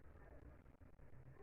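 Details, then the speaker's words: Lung auscultation of a female patient breathing deeply through the mouth, posterior left lung zones top to bottom after trachea and right lung; soft breath sounds judged normal; normal vesicular breath sounds. "Los sonidos que ella presentó son normales."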